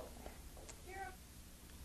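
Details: Simple vocal tic in a patient with Tourette syndrome, a neurological involuntary movement disorder, heard as meaningless sounds and noises.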